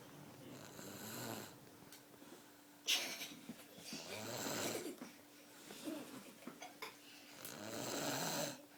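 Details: Repeated noisy, wheezy breaths with a rasping, whistling edge, from Max asleep in a standup toy, over a faint steady hum; snoring.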